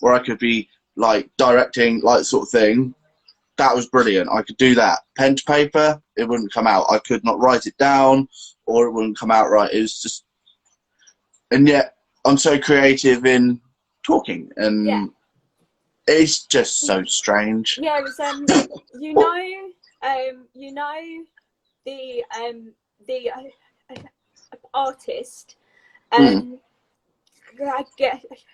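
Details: Adult woman with a stammer since age three, a neurological speech impediment involving blocks and repetitions, speaking in a live conversation; stammering (stuttering).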